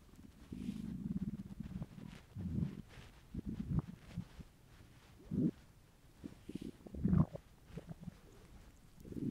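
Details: An adult male's hungry stomach: low gurgling rumbles and bubbling squeaks coming and going irregularly, ordinary hunger borborygmi.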